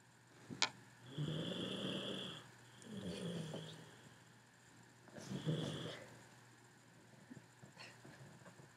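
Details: Three rough, rattling snores with a whistling edge, separated by quiet breaths; snoring during sleep.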